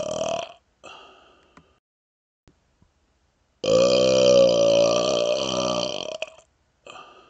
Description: My best smoky burps yet!